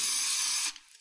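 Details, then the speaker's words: Ethyl chloride spray: a steady high aerosol hiss under a second, applied to the skin just before lignocaine infiltration and a hydrocortisone joint injection in the hand, in a GP setting. "using ethyl chloride as an initial spray just prior to the"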